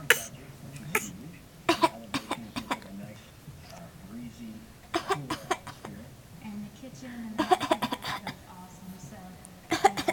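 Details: A young child gives several short, deliberate fake coughs and throat-clearing sounds amid quiet talk and room noise, encouraged by his mother.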